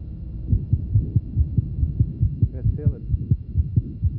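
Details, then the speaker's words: Rapid, regular heartbeat near 140 a minute with a soft sound between beats and a brief infant whimper midway; innocent heart murmur in a normal heart. "And not uncommon in athletes. It is important to differentiate these from significant murmurs, such as those with aortic stenosis,"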